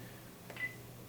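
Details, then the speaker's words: Soft key click then a short high electronic beep in a quiet simulation lab: infusion pump keypad confirmation tone while programming a 1000 mL primary crystalloid maintenance infusion at 125 mL per hour. "just iv fluids and we're going to pick the thousand milliliter bag and hit ok it's asking is it the primary bag"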